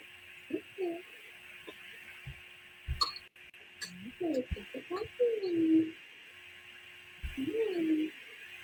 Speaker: All right, so we're going to see this little baby here that has whooping cough.